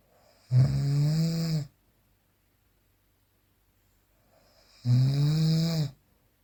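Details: Real, unprocessed recording of snoring during sleep: snoring.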